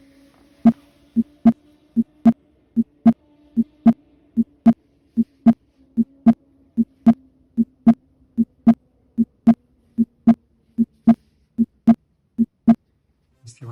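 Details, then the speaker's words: Normal heart sounds, steady crisp lub-dub at about 75 a minute, at the accessory aortic area/Erb's point (third intercostal space, left parasternal line). "Ahora continuaremos con el foco aórtico accesorio. Se localiza entre el tercer espacio intercostal, en la línea paraesternal izquierda."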